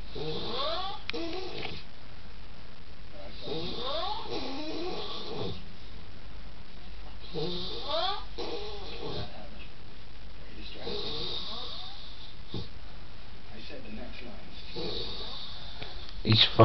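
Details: Sleeping male, a habitual snorer, recorded in a shared room: rhythmic, rattling snores in cycles roughly every three to four seconds, with a low rumble underneath; snoring.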